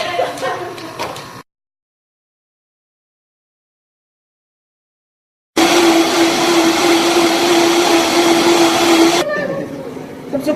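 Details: Hanil HAN-120MF nebulizer for respiratory therapy, used with kit and mask: a steady loud motor hum with buzzing tone running several seconds after a silent gap; compressor operating, with family voices.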